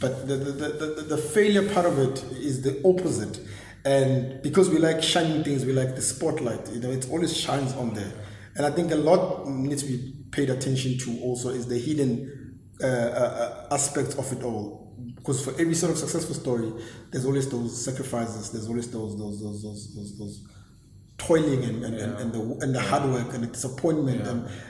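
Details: Stuttering (stammering) in an adult man since very young age, regarded as a disability.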